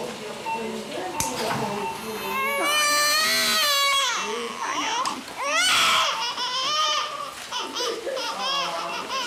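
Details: Newborn of an insulin-treated diabetic mother, at risk of low blood sugar, given a heel-prick glucose test (reading about 2 to 2.8, low): loud, high-pitched crying in repeated bursts.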